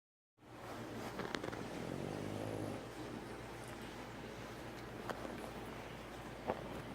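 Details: French bulldog snoring while asleep; snoring.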